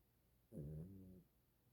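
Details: A single brief, soft, low rumbling breath sound from a sleeping dog; gentle snore.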